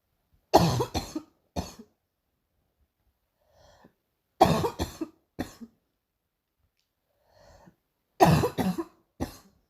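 Three bouts of coughing, each two or three harsh bursts, separated by quiet in-breaths; a recurring cough.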